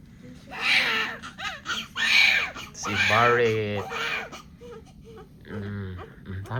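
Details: A newborn just delivered in hospital gives short, high-pitched wailing cries, with adult talk in the room; newborn cry.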